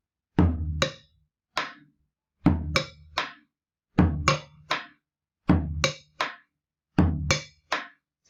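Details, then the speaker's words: Simulated opening snap on percussion: a dull first heart sound, then a sharp metallic click, then the second heart sound, repeating. "como hacen un chasquido apertura los chasquidos son un poco más metálicos por eso para el chasqui voy a usar la campana"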